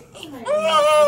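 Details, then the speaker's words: Newborn boy during a bath, which he doesn't like: a soft whimper, then a brief, rising, clear high-pitched cry before he calms himself; an ordinary healthy newborn cry. "it's okay buddy nothing I like but is that he doesn't he cries a little bit and then he calms himself you know you're okay you don't like baths"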